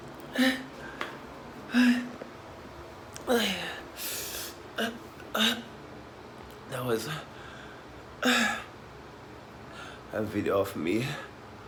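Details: The end of a choking spasm from hiccups, which occurs almost daily, sometimes two or three times a day: repeated abrupt gasping catches and strained voiced hiccups at irregular intervals, about six in twelve seconds.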